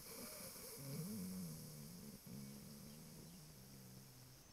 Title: American Bulldog snoring